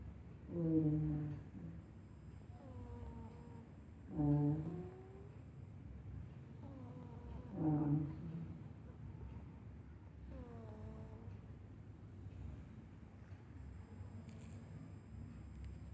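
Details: A sleeping cat with slow, regular voiced snores, about 17 per minute, each a soft rattling tone on the breath, over faint room hum; cat snoring.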